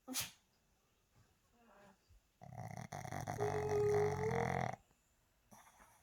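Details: Pug snoring while asleep: a brief snort, then a long rattly, whistling breath through the nose and throat; snoring in a flat-faced dog.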